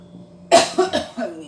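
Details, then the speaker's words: Adult coughing while teaching, cough blamed on barley tea: quick run of about four dry, harsh coughs over faint room hum. "자 지금 기침 해서 안 되겠다"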